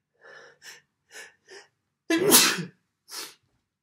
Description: me inducing a few sneezes and blowing my nose at the end on the first day of December.